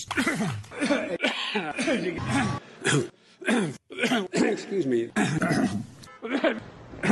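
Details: An adult man's speech broken up by short coughs and throat clearing, with him saying "excuse me".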